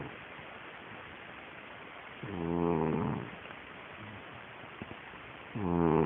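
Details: A sleeping pet snores: two loud, low, rattling snores on the in-breath, about three seconds apart, with quiet breathing between them.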